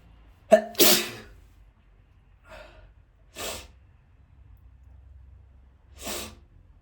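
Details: Repeated sneezes from a male, filmed to show the spray: a sharp voiced intake and burst, then two or three more explosive sneezes a few seconds apart in a quiet room.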